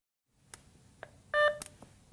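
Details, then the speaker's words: Nonin RespSense capnography monitor power-on: a single short electronic beep with faint button clicks after pressing the on/off button, before the self-test. "turn on the rest sense monitor by pressing the on/off button in the upper right corner until you hear a beep"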